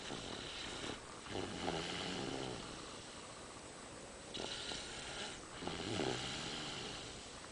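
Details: Sleeper snoring in a car at night: repeated rough, rattling snores with breathy gaps over steady background hiss, about two breaths in seven seconds; snoring.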